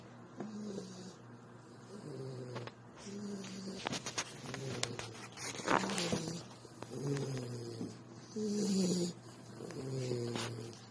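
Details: Sleeping dog being cuddled; uneven, throaty snorts and buzzing breaths mixed with rustling and handling noise; snoring.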